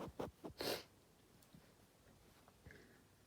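A quick burst of a few sharp sneezes, followed by quiet breathing; ordinary sneezing.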